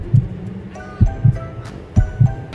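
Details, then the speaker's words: Low, muffled lub-dub heartbeat at about 65 a minute, heard through a homemade funnel stethoscope pressed to the left side of the chest of a presenter; an ordinary heartbeat. "that's so cool i can actually hear my heartbeat"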